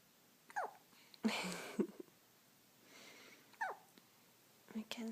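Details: Hiccups of a baby girl: three brief, sharp, squeaky catches a few seconds apart, with a soft breathy rustle between them, in a quiet room.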